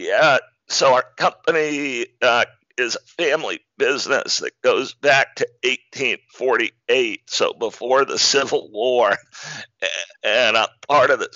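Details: Man diagnosed in 2012 with spasmodic dysphonia, a rare neurological speaking disorder causing partial voice loss and communication difficulty, still audible; real speech showing spasmodic dysphonia.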